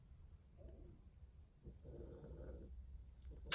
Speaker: you can hear my dog snoring he's a silly